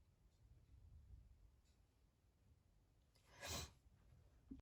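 One sudden, wet, explosive burst of air against a quiet room, a single sneeze.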